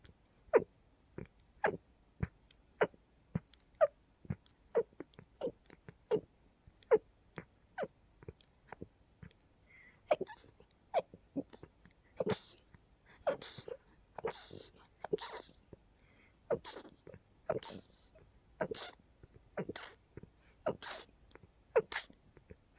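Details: Sneezing fit attributed to pollen and dust after dusting with an open window: a long run of super rapid, quiet sneezes, growing breathier and louder partway through.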